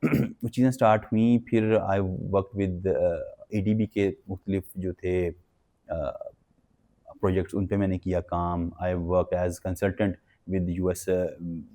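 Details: Adult man with stuttering (stammering) since childhood.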